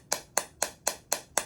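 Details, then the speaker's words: Six sharp, evenly spaced cracking pulses, about four a second, from a shockwave therapy device (described as electrohydraulic, also called radial) applied to the front of the left knee for chronic ACL deficiency with meniscus-area inflammation. "You can see the little flash. That's the electrohydraulic charge. This is kind of like submarine charges, depth charges."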